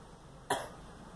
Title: Girl coughing